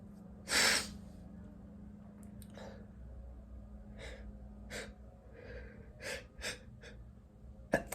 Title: sneezing (M)